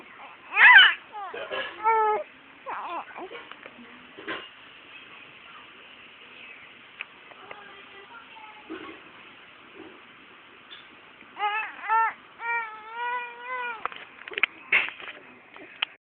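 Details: Baby girl sneezing three times, heard as short bursts of infant crying and whimpering with pauses between, in a small room; infant cry.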